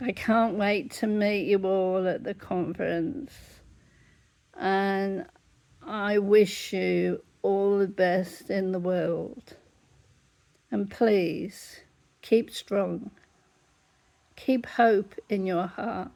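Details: Adult woman with generalized dystonia affecting her whole body; larynx closes up, at times leaving her unable to talk; laryngeal dystonia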